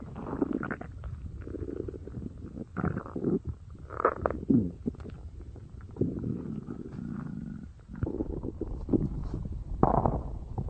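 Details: Low, gurgling rumbles rising and falling over several seconds: stomach growling (borborygmi), an ordinary sound of gut activity.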